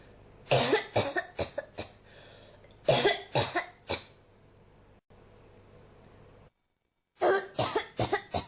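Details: An adult with a persistent cough has repeated bouts of sharp coughs, about fourteen in three runs, with barely a pause between them.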